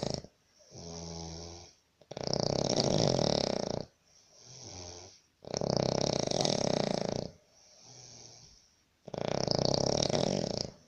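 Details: Sri Lankan person snoring in a labour camp room in Baniyas, Abu Dhabi, disturbing roommates: loud, harsh snores on each breath in, softer rumbling breaths out, about 17 breaths a minute; heavy snoring.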